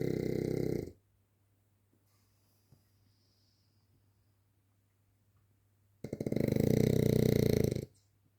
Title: snoring frenchbull dog Montie loves his sleep